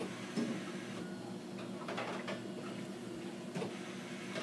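Steady mechanical motor hum with clicks from a dialysis machine's blood pump running in prime mode, pushing saline through the line.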